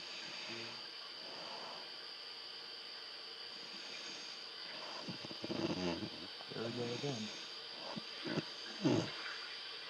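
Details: Snoring heard all night long.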